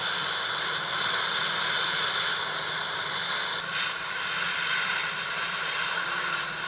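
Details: Steady loud spraying hiss with slight swells from an Airflow air polishing device during a real professional dental hygiene cleaning of an adult male patient's teeth.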